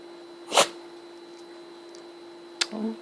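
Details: Sleeping dachshund sneezing while napping: two short, sharp bursts of air a couple of seconds apart, with a faint steady hum behind.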